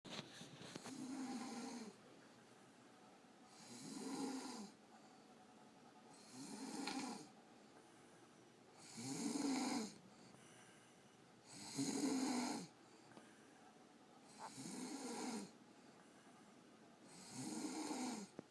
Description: My mom said she never snores..here is the proof..I was told to delete this from my phone, I did after I posted her on youtube :)